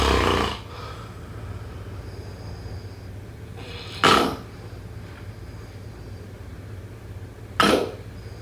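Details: Snoring during sleep: three short, rough snorting snores repeating every few seconds over a steady low room hum.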